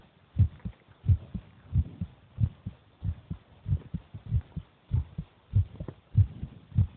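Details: Heartbeat of a person recorded while eating: regular low thumping at about 95 beats a minute with some softer extra thuds between beats; normal heart sounds.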